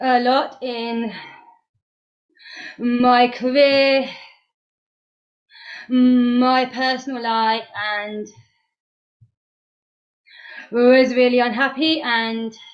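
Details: Stuttering in a woman two months after completing the McGuire Programme course; she still blocks but knows the techniques; pauses and blocks are present.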